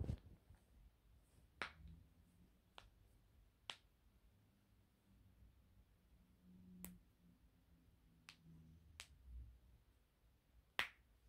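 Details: About nine sharp, isolated pops over eleven seconds in a quiet room; ordinary joint cracking.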